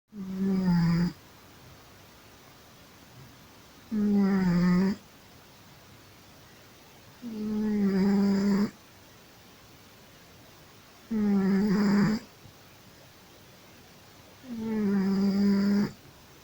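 Loud, regular buzzing snores about 16 a minute, each lasting about a second with quiet pauses between; ordinary snoring in a sleeping cat.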